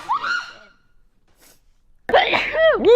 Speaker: I don't know what it would be Celsius oh right here I have a sneeze